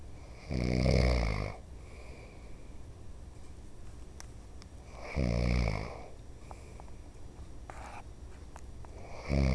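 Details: A father who denies snoring is heard snoring deeply and loudly in sleep: fluttering snores on each breath in, roughly every four to five seconds, with quiet pauses between.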